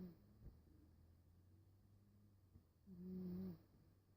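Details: Snoring during sleep: soft, low breathing in a quiet room, then one brief buzzing snore on inhalation.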